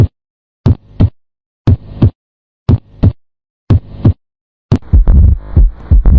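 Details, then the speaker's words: Normal heart sounds heard with a stethoscope placed on the heart: regular paired lub-dub sounds at about 60 beats per minute, followed by a louder busy sound. "तो आज हम जानेंगे कि अगर आप stethoscope को heart पे रखते हो तो आपको किस-किस तरह के साउंड सुनने को मिलता है।"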